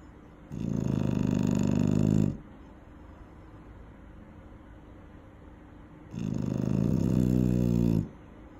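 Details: Eight-month-old female dog sleeping near a safety barrier: two loud, long, rumbling snores about four seconds apart with quiet between, ordinary sleep snoring.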